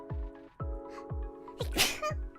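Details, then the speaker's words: VTuber on a livestream, who mentions her nose feeling itchy: a single sharp sneeze over steady background music. "ああなんかね鼻がムズムズするちょっと今やばい"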